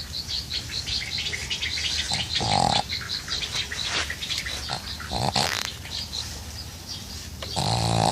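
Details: A sleeping pug outdoors in summer gives snorting, grunting snores about every two and a half seconds over birdsong and insects.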